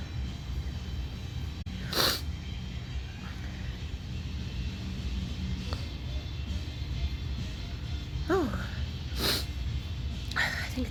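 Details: Two sudden, explosive sneezes over steady background noise, in a sneezing bout attributed to allergy.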